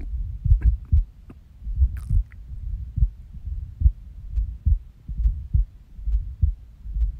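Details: Resting heartbeat recorded on waking from a nap, with skipping: soft, low thumps at about 70 a minute with uneven spacing and occasional pauses, consistent with skipped beats; faint background clicks.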